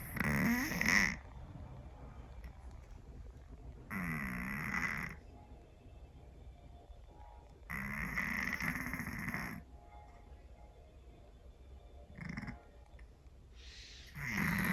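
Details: Heavy snoring from a sleeping Scottish Fold cat: loud, harsh, rattling snores in long bursts roughly every 4 seconds, with a shorter snort between them.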